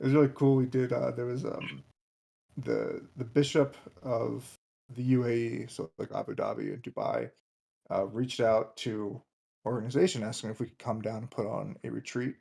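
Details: Adult man, a commercial pilot, who reports having a stutter that can sound like choking; stuttering.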